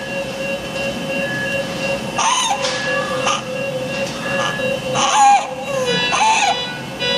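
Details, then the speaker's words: Infant crying with stridor: short, strained cry bursts with a harsh noisy edge on breathing, over background music. "आता आपण हे बाळ बघूया बघा तुम्ही बघितलं तर रडताना कसा आवाज येतो"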